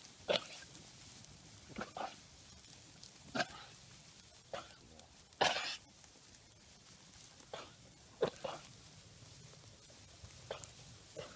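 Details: Katahdin ewe lamb's coughing fit lasting about one minute, repeated short harsh coughs; flock coughing since a cool-morning trailer trip, and necropsy of another coughing lamb showed lung consolidation from mycoplasma pneumonia.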